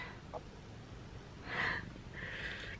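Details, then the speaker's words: Light snoring from a sleeping child napping in a car: two soft, noisy breaths heard over low car rumble. "you hear a snoring"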